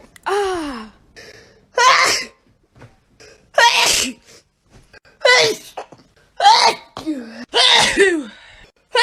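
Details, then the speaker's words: Six loud, explosive sneezes one after another, separated by short pauses and quick breaths, in an allergy-themed sneezing compilation; the sneezer says something is making them sneeze. "It's making me sneeze."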